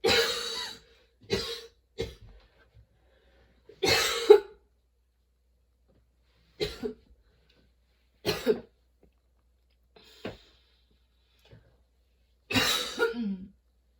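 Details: Sudden-onset, nonstop, worsening coughing fit bringing tears and frequent position changes: about eight harsh cough bursts separated by short pauses throughout; a prolonged coughing fit.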